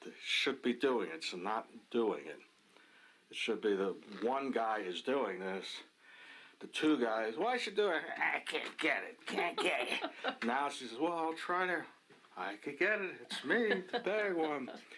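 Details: Adult man with Wernicke's (fluent) aphasia and poor awareness of his deficits; Wernicke's aphasia.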